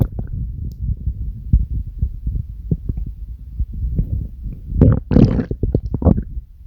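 Low gurgling rumbles and bubbling from the abdomen, with a louder growl near the end: ordinary stomach growling.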